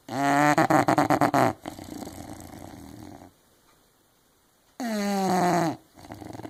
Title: English bulldog Zella snoring